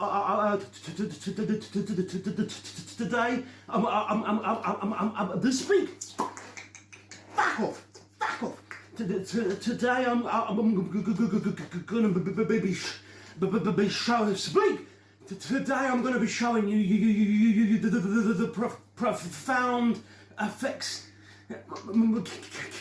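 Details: Adult man with Tourette syndrome that developed after a car crash, along with PTSD and seizures; recorded unmedicated, with involuntary swearing and stuttered, repeated words; he says prescribed cannabis stops his tics and stutter; vocal tics with stuttering.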